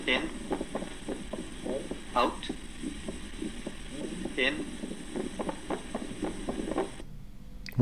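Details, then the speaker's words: Split second heart sound in a cardiac auscultation teaching recording, heard through inspiration and expiration: repeating heartbeats with the second sound doubled during both breathing in and breathing out. "Split second heart sound. In. Out."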